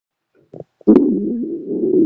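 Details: Soft clicks then a sustained low gurgling growl from a pet rabbit's stomach, recently discharged from hospital; normal borborygmi.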